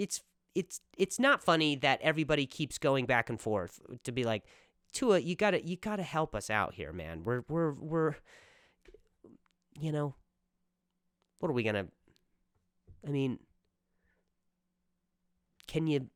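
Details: Male comedian's stuttering while speaking on his own podcast; stuttering.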